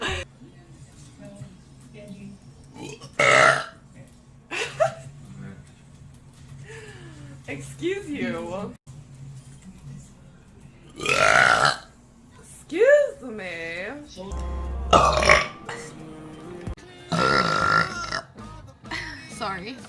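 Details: Compilation of female Twitch streamers burping: several loud, drawn-out belches among talk, laughter and background music.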